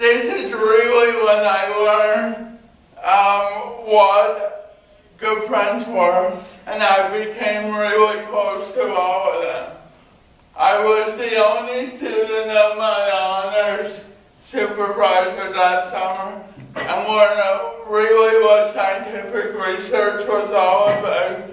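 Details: Adult man with cerebral palsy, dysarthria (cerebral palsy).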